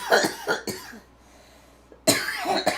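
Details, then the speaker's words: Two short bouts of harsh, repeated adult coughing, separated by a brief quiet pause, heard in the background of a livestream: cough. "those are real live racial coughs it could be an imitation gwp live stream if you don't hear that coughing in the background"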